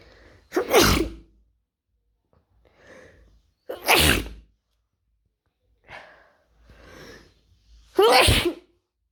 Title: Wide Nose Sneezes Africa.